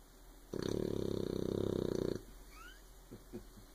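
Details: Sleeping puppy snoring: one fluttering, purr-like snore lasting under two seconds, followed by quiet breathing in a small room.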